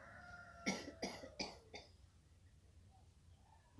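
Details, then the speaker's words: Adult woman with shortness of breath performing a voluntary effective cough after chest physiotherapy (clapping and vibration): three deep breaths, then three forceful coughs in quick succession to clear sputum. "Yang ketiga nanti Ibu batukan yang keras ya Bu. Tarik nafas, batuk"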